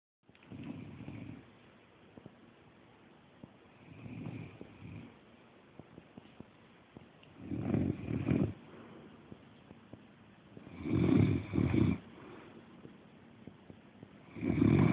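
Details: Snoring: five low rumbling snores over about fifteen seconds, some with a double pulse, getting louder toward the end.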